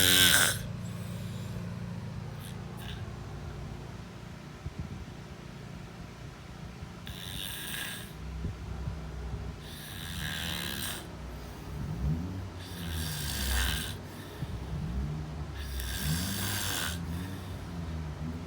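Low rumbling snores recur every few seconds under steady room noise, with hissy breath sounds between them. Snoring.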